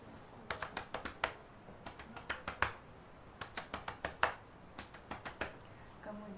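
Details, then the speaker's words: Nursing student's acted chest physiotherapy demonstration on a male patient, clapping (cupping) 8–10 times before vibration and effective coughing: rapid hollow claps in short bursts; chest percussion to loosen sputum. "kita mulai fisioterapi dada nya ya Pak yang pertama melakukan cropping sebanyak 8-10 kali"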